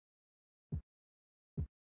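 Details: Korotkoff sounds heard during blood pressure measurement.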